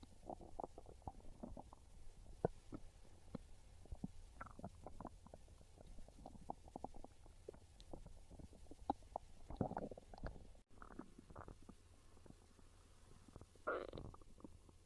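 Loud, irregular gurgling and rumbling from the belly with bubbly pops, typical hunger growls (borborygmi), a normal digestive sound.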